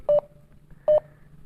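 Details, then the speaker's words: Checkme Pro pulse oximeter with a finger inserted in the sensor: two short, clear electronic beeps paced with the pulse. The reading showed a pulse rate of 79 per minute and SpO2 of 98%. "तो यहाँ पे हमने इसमें finger डाली और कुछ इस तरीके से ये रीडिंग जो है वो करती है ये डिवाइस। इसकी बीप भी आपको सुनाई दे रही है।"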